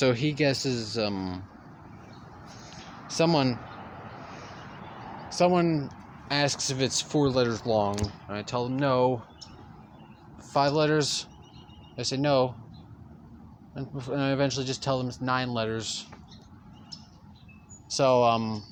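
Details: Stuttering in a male speaker who stutters throughout continuous storytelling.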